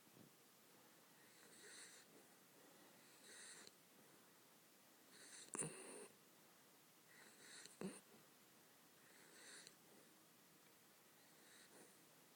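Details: Dropping off to sleep and snoring: soft whistling snore on each breath, about 27 breaths a minute, with a couple of louder snorts.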